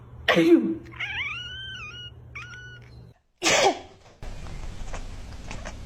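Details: A person's sharp sneeze, then a cat's rising meows in response, then a second sneeze; ordinary sneezing.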